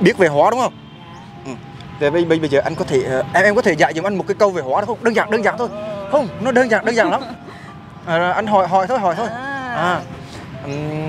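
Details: Young man acting as a stutterer in a prank, speaking with repetitions while asking a question: stuttering (acted).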